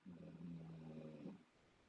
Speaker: Um you hear that dog snoring really loudly. A pit bull is like snoring on the floor underneath my feet. It's kind of funny. Sounds like an old man snoring.